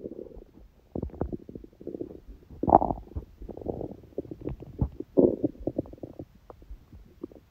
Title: くしゃみ入り本日の空腹音🤧/Today’s hungry sounds (with sneezing🙇‍♀️)